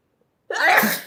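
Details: Silence, then a single explosive, hissing sneeze, from a sneezing compilation.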